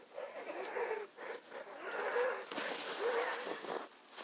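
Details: Harsh, labored breaths with brief high squeaky whistles: wheezing during an asthma attack in a person choking violently and coughing up blood, later losing consciousness.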